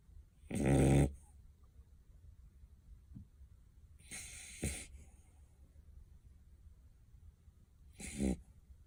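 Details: Sleeping beagle dog snoring: three loud, rough snoring breaths about four seconds apart, with quieter breathing between them.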